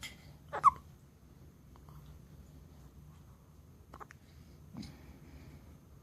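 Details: Hiccups in a 2-day-old baby: a few brief, sharp, jerky catches of breath spaced seconds apart in a quiet room.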